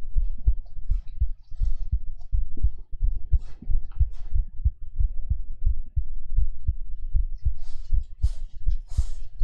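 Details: Live ASMR heartbeat recorded on a 3Dio binaural microphone: steady low thumping at about 80 beats a minute, with soft mouth sounds and kisses over it in a quiet room during a girlfriend-experience role-play.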